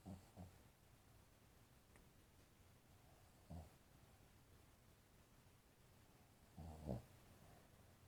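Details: Soft, low snorting snores about every three seconds from a sleeping dog over quiet room noise.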